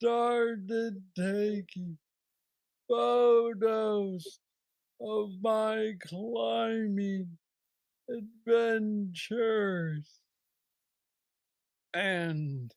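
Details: Man diagnosed with Parkinson's disease at age 35, about nine years earlier, with what he calls the most aggressive form he knows; treated with a brain stimulator implant. Hypokinetic dysarthria.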